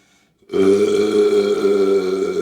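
After a moment of silence, one long, loud, voiced burp lasting about two seconds.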